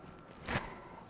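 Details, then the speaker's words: A single brief, harsh imitated throat-clearing, the repeated clearing typical of globus sensation (maehaekgi, feeling of something stuck in the throat), often diagnosed as reflux esophagitis. "그니까 이게 실제로 어떤 증상이냐면 제일 흔하게 관찰할 수 있는게 환자분들이 자꾸 헛기침을 해요. 이렇게"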